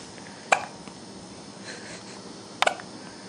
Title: Hiccups.